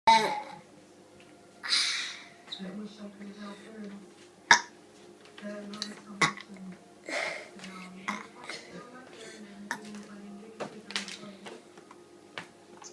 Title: 4 year old burping master